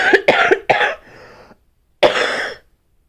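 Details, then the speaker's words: Barking cough in a person still recovering from illness, with a thick, congested nose and a tendency to get bronchitis: three sharp, harsh coughs with a raspy tail, then one more forceful cough. "okay no more coughing so that's what it sounds like sometimes it's actually not as loud as it has sounded but there you go"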